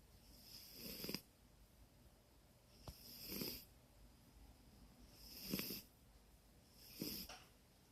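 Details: A sleeping animal with regular noisy snoring breaths about every two seconds, roughly 30 a minute; snoring during sleep.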